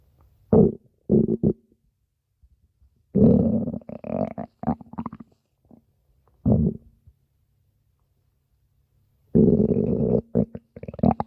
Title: stomach growling 5 (over five minutes of stomach growling)